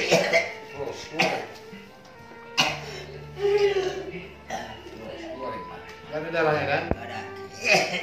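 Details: Night-time coughing in a thin person (said to have a thin body).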